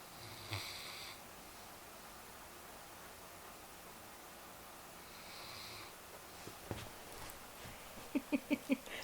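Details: Large Newfoundland dog deeply asleep in a strange position after a long weekend of yard work: soft snoring on two slow breaths, then short rhythmic snuffling snorts.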